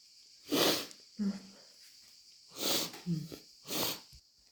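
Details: Three desperate, wet, explosive sneezes with voiced catches and wind-up breaths; sneezing.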